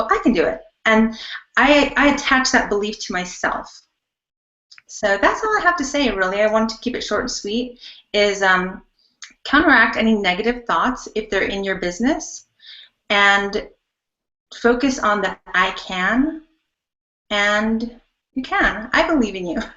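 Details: Adult speaker; normal voice.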